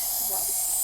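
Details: Woman given salbutamol nebulizer by mask by paramedic for shortness of breath and wheezing, productive white cough, possible chest infection starting: steady airy nebulizer hiss through the mask with faint muffled voices.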